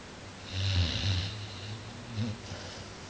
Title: Pit bull dreaming & snoring